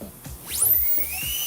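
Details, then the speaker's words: High-speed dental drill spins up to a sharp rising whine, then a steady high tone, cutting 1.5 mm deep orientation grooves on the smooth cusp slopes of tooth 37 during an overlay preparation for cast metal. "executar os sulcos de orientação com 1,5 mm de profundidade. Na vertente lisa da cêntrica e na vertente lisa da não cêntrica."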